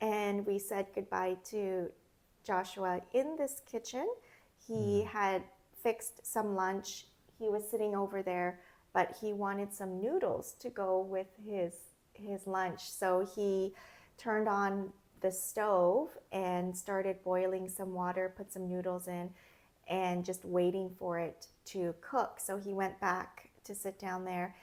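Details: Adult woman speaking; ordinary fluent speech.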